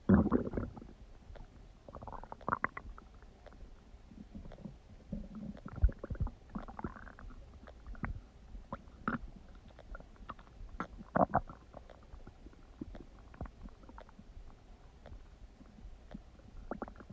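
Loud gurgling and rumbling bowel sounds from an adult abdomen, normal digestive borborygmi.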